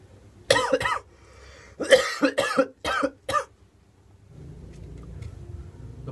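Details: A child's acted cough in a comedy skit: about five or six sharp, irregular bursts in two clusters in a quiet room; simulated cough.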